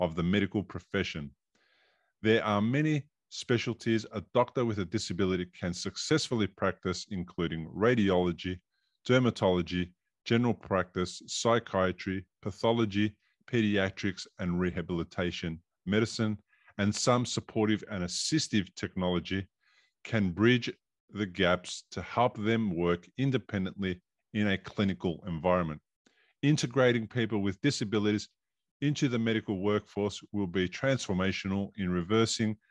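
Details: Adult male speaker; typical speech.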